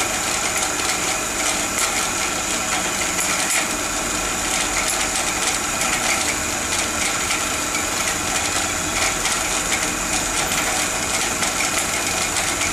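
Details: Steady high-pitched whine of a dental surgical drill running continuously during removal of a failed root-canal-treated tooth and immediate dental implant placement.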